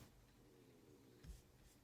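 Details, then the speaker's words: Adult man who just ate: faint low rumbling gurgle with a brief thump in a quiet room, from digestion; stomach growling (borborygmi). "hear that on my stomach sorry um i just ate so i'm like digesting"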